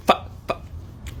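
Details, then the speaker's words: 26-year-old man with Tourette syndrome: a sudden short yelp-like vocal burst, then a fainter second sound; simple vocal tic. "So I have Tourette syndrome, and all throughout high school and college,"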